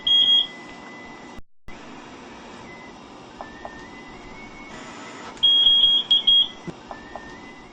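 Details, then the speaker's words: BiPAP machine with mask, inspiratory pressure 13 and expiratory 7 cmH2O, sounding its low pressure alarm for disconnected tubing: repeated high-pitched electronic beeps in bursts over machine hum. "alarms are set on the machine with a low pressure alarm if the tubing becomes disconnected"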